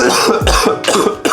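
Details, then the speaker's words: Person with a cough that won't go away and who cannot stop coughing: a run of several loud, harsh coughs in quick succession; persistent cough. "I don't know what it is I just cannot stop coughing but I'm changing that right now"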